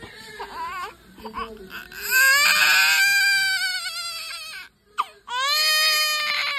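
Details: A newborn baby girl, said to be hungry and holding her hand up, cries shortly after birth: loud, high-pitched wailing with brief pauses for breath, other voices faint in the room. Newborn cry.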